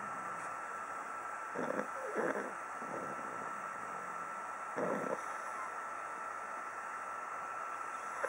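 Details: Pug snoring: two or three brief, low, rough snorting breaths over a steady background hiss.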